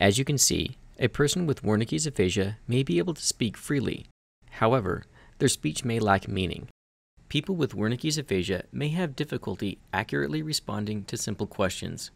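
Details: Adult male narrator; normal speech.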